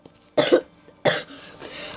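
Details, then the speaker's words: Two harsh, explosive coughs, the second trailing into a breathy exhale; a plain cough, apologised for by the speaker. "простите за каждый простите за каша адриан простите за кашель всем удачи до новых встреч"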